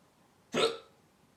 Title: My hiccups